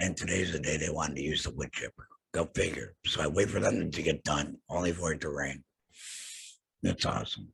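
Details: Adult male laryngectomee after throat cancer, vocal cords removed; alaryngeal speech after total laryngectomy.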